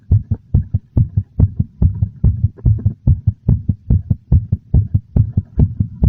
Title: [Heartbeat sound] A slightly fast, very noticeable heartbeat.